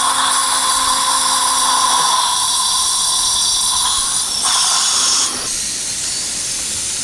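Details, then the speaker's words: 63-year-old male, implant at upper tooth 16 with OneGuide template, poor bone quality, palatal bone defect with GBR: steady high-pitched implant motor whine with hiss, shifting pitch briefly, during drilling to 4.5 mm and fixture installation. "4.5 by 10 millimeter drilling is done bone quality is not very good ps3 5.0 by 10 millimeter is going to be done and final drill is going to be done up to 4.5"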